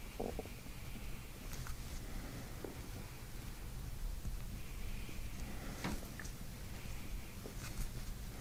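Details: Abdominal gut sounds released during chiropractic belly work: low, irregular gurgling and rumbling as gas and fluid move; bowel sounds (borborygmi).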